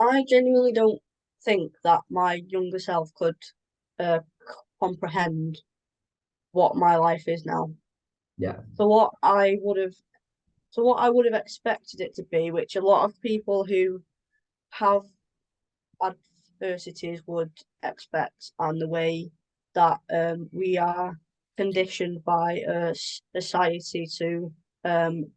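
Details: Adult woman with a stammer since early childhood that began to affect her around age 13-14, at the move from primary to high school; she experiences blocks and anticipation before speaking; stammering (stuttering).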